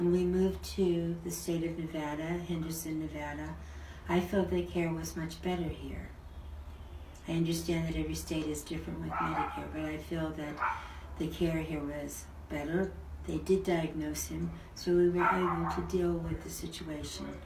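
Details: Adult woman speaking; normal speech.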